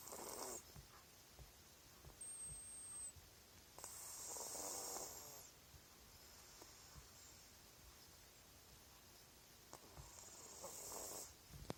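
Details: Sleeping cat snoring: quiet, soft snoring breaths recurring every few seconds over faint room noise.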